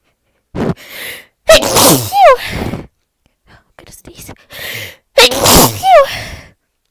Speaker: I'm gonna sneeze. Achoo! I'm gonna sneeze. I'm gonna sneeze.